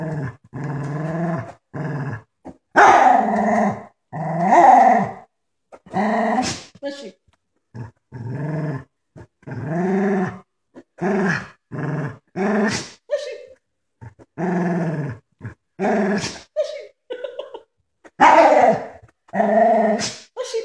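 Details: A dog gives drawn-out playful growls and moans broken by several short, sharp sneezes while being played with: sneezing during play growling.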